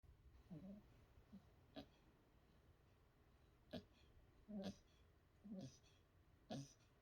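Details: 3-month-old female Westie puppy, hyper by day, snoring while asleep at night; short, soft snorting breath noises at an uneven pace, about one a second; light snoring.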